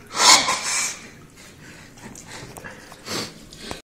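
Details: Man sneezing after clearing his nose with kalanchoe: a loud, hissing burst of air, then a second, shorter one about three seconds later; two sneezes.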